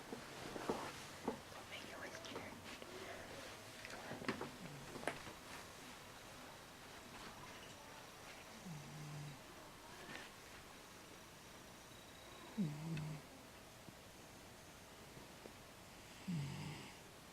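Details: Sleeping cat snoring, a long-standing habit the owner considers normal: soft low snorts about every four seconds before it stops.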